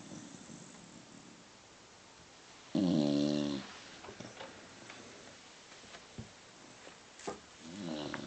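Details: Sleeping Beagle snoring: one loud, rattling, buzzing breath followed by softer snuffles.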